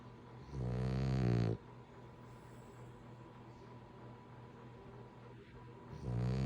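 Loud, deep, rumbling snores on the in-breath, about five seconds apart, over steady room hum; heavy snoring.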